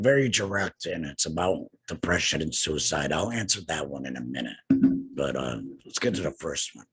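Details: Adult man two years after laryngectomy for cancer treated with radiation and chemotherapy; no larynx, breathes through a neck stoma, speaks via tracheoesophageal puncture (TEP) voice prosthesis with HME; tracheoesophageal speech after laryngectomy.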